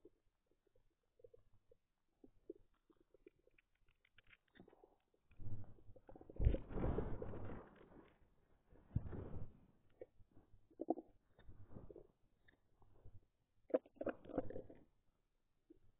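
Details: Stomach growling (borborygmi) from a person's belly: low, irregular gurgling and rumbling bursts, a normal sound of gas and fluid moving through the gut.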